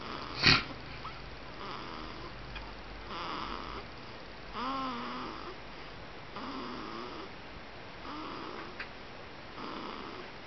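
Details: Snoring in a 20-day-old baby girl during sleep: repeated soft, snorting, squeaky breaths about every one and a half seconds.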